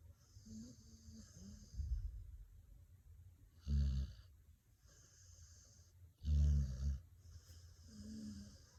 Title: Dog Snoring 😂 Google The Dog